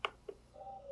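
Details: Philips Respironics E30 ventilator during setup training: two quick button clicks on the control dial, then a short mid-pitched electronic tone; confirmation beep acknowledging a mode change to CPAP.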